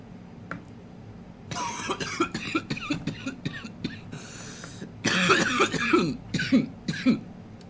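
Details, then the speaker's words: Adult who says he has "baby lungs", after a long draw on a strawberry-flavoured cannabis vape cartridge that burns hot: two runs of about a dozen harsh, rapid coughs with brief breaths between; cough after inhaling vapour. "There are those baby lungs in action. Burns hot."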